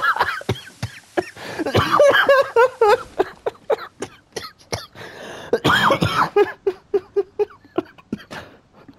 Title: It made me cough